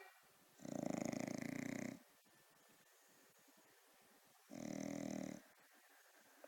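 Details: Sleeping dog snoring: two rough, fluttering snores about four seconds apart, roughly 15 breaths a minute, with quiet between them; the owner then asks whether he is hungry.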